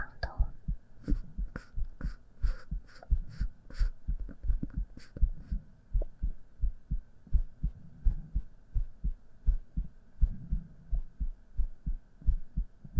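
Steady, soft, low thumping heartbeat at roughly 85–90 beats a minute, with light tapping and a faint hum.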